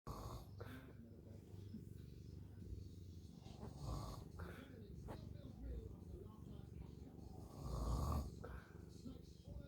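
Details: Snoring during sleep: steady low rumbling breathing noise throughout, with a louder snort near the end.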